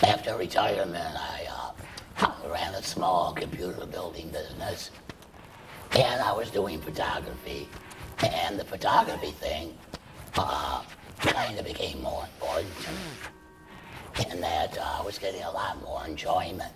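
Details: Adult man treated for laryngeal cancer with surgery and chemoradiation, then total laryngectomy separating esophagus from trachea; breathes through a stoma and speaks with a tracheoesophageal puncture voice prosthesis. Tracheoesophageal speech after total laryngectomy.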